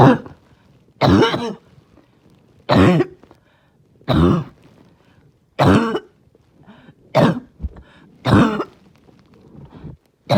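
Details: Barking cough while trying not to choke: about six separate bursts of harsh, barking coughs with quiet gaps and strained breaths between them.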